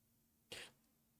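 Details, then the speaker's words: Single brief, sharp burst of expelled air against quiet room noise: one sneeze, in a scene about sneezing more than twice in a row. "when you sneeze more than when you sneezing more than twice in a row this be me bro I'll be sneezing like five times"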